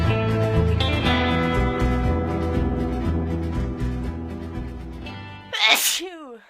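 A single sharp, explosive sneeze with a brief vocal tail, following guitar music.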